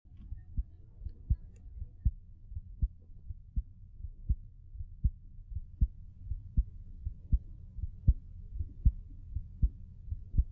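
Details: Normal adult heartbeat recorded outside the body in a recording studio with a mic half a foot away: steady, regular low thumps at about 80 beats a minute over a faint hum, with loudness changes from level adjustments during recording.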